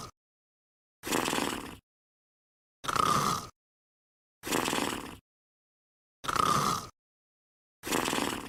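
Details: Sleeping pet dog snoring: regular rough breathing noises with silent gaps, about 36 a minute.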